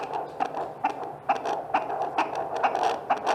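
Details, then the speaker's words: Midwife checking fetal heart rate with a Doppler during an antenatal care exam after Leopold maneuvers: rapid, regular whooshing pulses at about 130 per minute; normal fetal heartbeat on Doppler. "bidan memeriksa Detak jantung janin djj dengan Doppler atau Lane"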